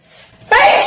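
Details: Girl sneezing while singing: a quiet intake of breath followed by one sharp, explosive sneeze.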